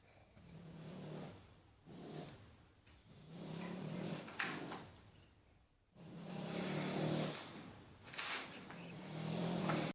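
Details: Two sleeping Boston terriers snoring after a long day: rhythmic rattling snores, about 23 a minute, with low fluttering tones overlapping in a loose shared rhythm.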